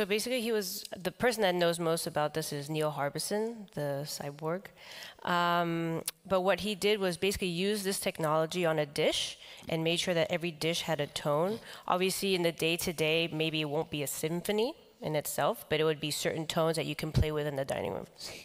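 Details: Adult man with the neurological disease dystonia, which in his case causes uncontrollable neck movements and can affect other body parts; he reports having no real tone of voice; real speech: dystonic voice.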